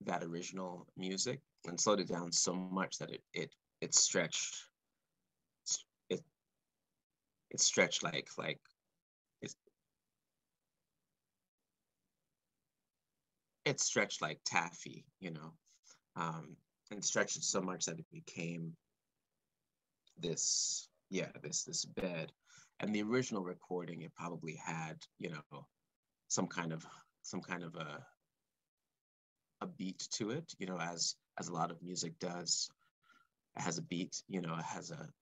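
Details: Adult man speaking live, stuttering since about age four or five, with word and phrase repetitions; stuttering.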